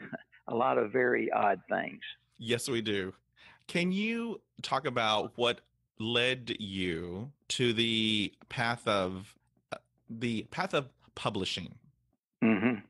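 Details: Older adult man, retired after a 40-year career and raised in the 1950s, who has stuttered all his life since he began talking; speech therapy and family history are discussed; real, not acted; stuttering.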